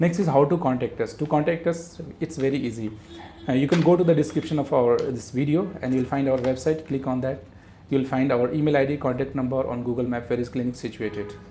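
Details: Adult male speaker; Normal speech.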